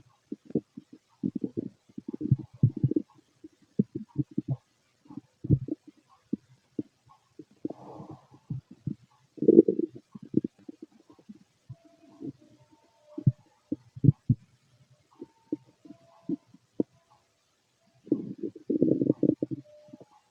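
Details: Irregular low gurgles, pops and rumbling bursts with quiet pauses from an empty stomach: stomach growling (bowel sounds); recording also contains a heartbeat later.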